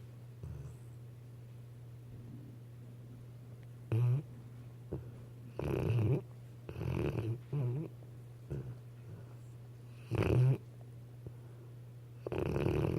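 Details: Weimaraner dog snoring in sleep: irregular low rattling snores over a steady background hum, with quiet pauses between.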